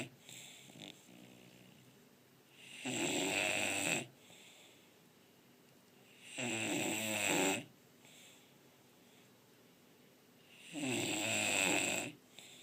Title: TITA, english bulldog is snoring! (1)